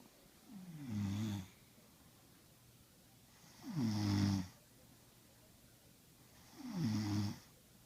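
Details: Two sleepers snoring together, a father and another: three loud, rattling snores at regular intervals, about 20 a minute, with quiet between them; ordinary snoring during sleep.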